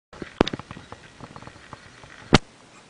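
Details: Unusual cough from a small pet animal: two sharp, abrupt cough bursts with faint scratching and clicking noises between them.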